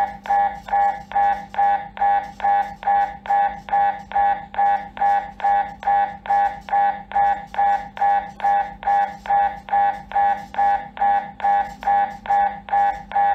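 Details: MRI scanner noise during an MRI scan: steady, loud repeating mechanical knocking, about 140 pulses a minute, over a low hum.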